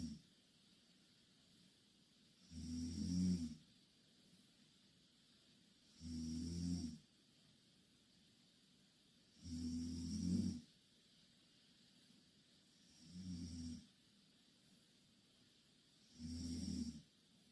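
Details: Two Korean girls sleeping in the same bed, snoring loudly: low rumbling snores, one with each breath, about 18 breaths a minute in a quiet room; steady snoring during sleep.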